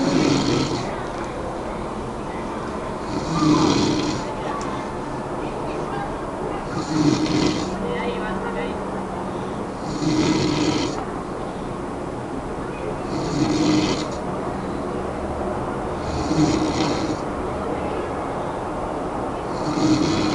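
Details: Two sleepers snoring together: rhythmic, rough snoring at about 18 breaths a minute over steady background noise.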